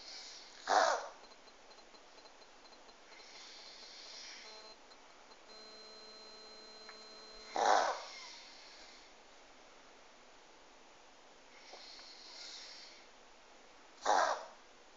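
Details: Small pug reverse sneezing: three loud, harsh snorting breaths spaced several seconds apart.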